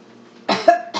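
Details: Single sharp cough right after swallowing a bigger bite of pineapple (regular solid) in a clinical swallowing exam. Patient says this bite was more difficult and reports more trouble with thicker foods. Possible sign that food is entering the airway.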